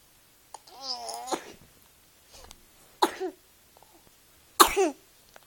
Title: Baby cough